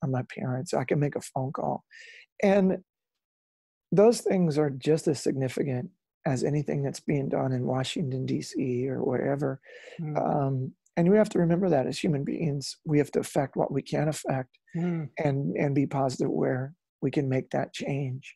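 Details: Adult male former rock lead singer whose spasmodic dysphonia began at his career peak, first taken for hoarseness; incurable, doctors could not fix it, still audible today; spasmodic dysphonia.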